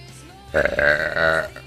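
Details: A woman's deliberate burp: one long, loud, voiced belch lasting about a second with a steady droning tone.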